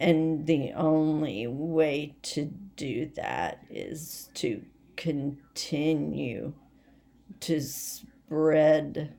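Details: Voice tremor from essential tremor in an adult woman: rapidly progressive and badly out of control, most affecting her head and voice, with word-finding difficulty and leg and hand weakness; she is awaiting movement disorder specialists.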